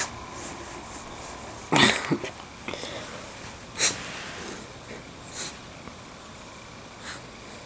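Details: A dog rolling around in a sneezing fit gives a run of about five short, sharp sneezes over several seconds, with rustling between them.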